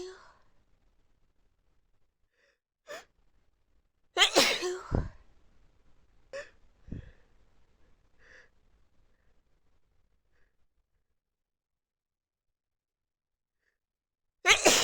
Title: itchy sneezing fit